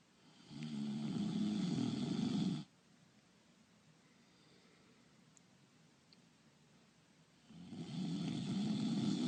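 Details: Two long, loud, rumbling snores separated by a quiet pause; simulated, acted snoring voice-over for a cartoon.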